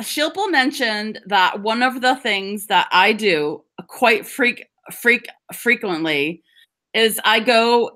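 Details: Adult woman who stutters (stammers), speaking English with audible part-word repetitions; stuttering.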